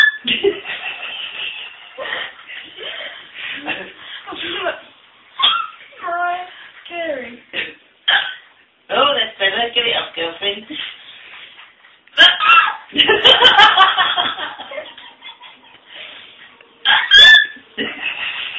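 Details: Woman hiccuping: repeated sharp, squeaky vocal bursts mixed with laughter and talk in a small room; hiccups.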